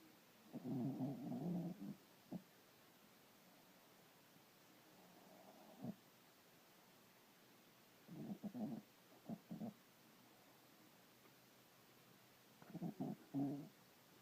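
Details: Napping after a tough day: irregular soft, fluttering snorts in short clusters every few seconds over faint hiss; light snoring.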